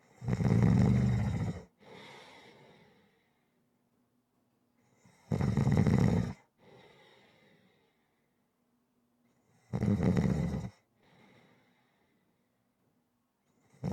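Deep, rumbling snores on each in-breath, each followed by a soft breath out, about 13 a minute, steady rhythm.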